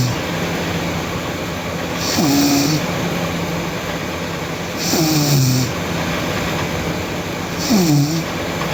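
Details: Sleeping girl snoring loudly: three rough snores about every three seconds over heavy steady background noise.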